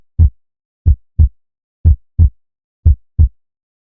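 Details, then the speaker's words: Normal heart sounds in a cardiac auscultation teaching demonstration: clean paired low thumps, first and second heart sounds, at about 60 beats a minute with no extra sounds. "Y pues para concluir en la parte de este tema, vamos a tener lo que son los sonidos. Eso se consideran como S1 a S4."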